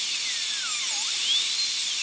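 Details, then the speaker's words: Full zirconia crown preparation, tooth number three (upper molar), rounded shoulder: high-pitched dental drill whine dipping as it cuts occlusal guide cuts about 1 mm deep, aiming for 1.5-2 mm total occlusal reduction. "occlusal reduction and so with our die-cuts we're gonna stay close to a millimeter we don't want to over do the guide cuts"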